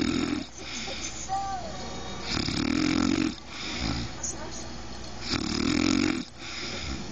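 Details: Adult woman (wife) snoring: loud, rough rattling snores on each breath in, about three in seven seconds, quieter breathing between; TV adverts in background.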